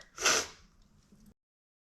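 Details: Acted sneeze in an Alice in Wonderland role-play of a giant who really has to sneeze: one short, breathy burst like a stifled sneeze, then a faint sniffle.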